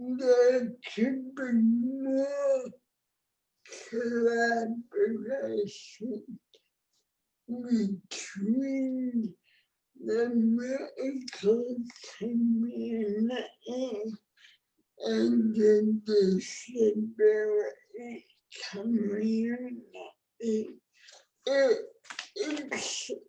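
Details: Real speech from an adult woman with cerebral palsy, a condition present since she was born before the ADA; dysarthria.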